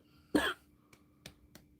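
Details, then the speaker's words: Cough from an adult who says she is trying not to cough every time she opens her mouth: one harsh, loud cough, then a few faint throat sounds in a quiet room. "So, I'm going to hope I'm not going to cough the whole time. I'm sorry. Whenever I go to open my mouth"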